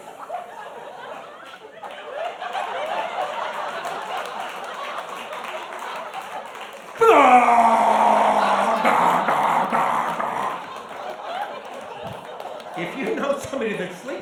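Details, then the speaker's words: A comedian's on-stage imitation of sleep apnea: a loud, strained, gasping vocal snort, followed by crowd murmur and laughter. "Now, this is what it sounds like if you have sleep apnea."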